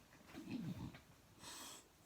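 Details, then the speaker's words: A sleeping dog snores in the background: one low, rattling snort-like rumble, then a soft airy breath out. "sorry if you can hear my dog snoring"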